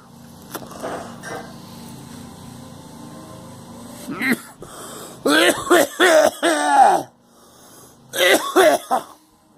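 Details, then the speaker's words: Rough, hacking run of repeated coughs with traffic behind, after smoking strong, dry stem rolling tobacco with sage that went up the nose. Cough from smoke irritation. "No, it's smoking. No. It's strong. No, it's the stem rolling tobacco. Some of it's too dry."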